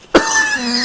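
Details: Acute single cough from an adult with a few days of fever, cough, headache and sweating, taking paracetamol: one short, sharp cough followed by a lingering ringing tone in the room.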